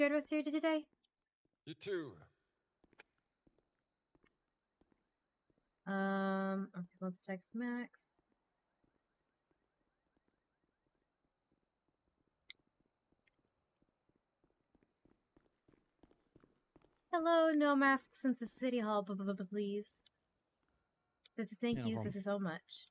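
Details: Mild stuttering in an adult woman, with word repetitions and getting stuck in the middle of a word or on a word.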